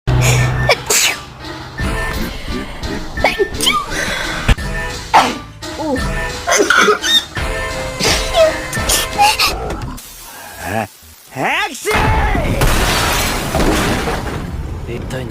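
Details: Sneezing from girls and boys compared: several abrupt, ordinary sneezes over loud music and some talk.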